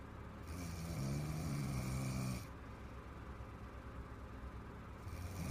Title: My girlfriend snoring so hard and long!